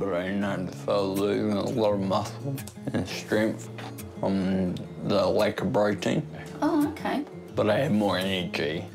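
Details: Ataxic dysarthria in a 29-year-old man with Friedreich's ataxia, a degenerative genetic disease diagnosed at 18 after teenage clumsiness. His speech is slurred and has worsened over time, and he now uses a wheelchair.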